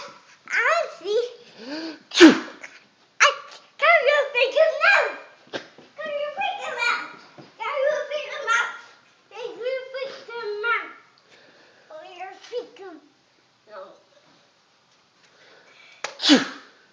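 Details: A child's voice chatters, broken by two sudden, sharp sneeze bursts near the start and end.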